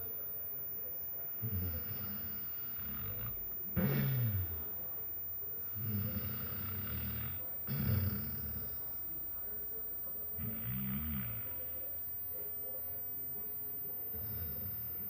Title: Marley the Basset snoring